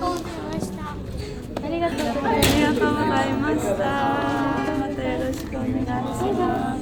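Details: Young female student who stutters; her stuttering worsened around the summer of her second year of middle school; stuttering.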